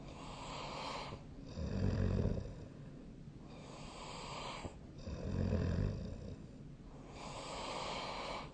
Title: 🐽 本日のイビキ / Snoring Sleep Sound 2025/03/14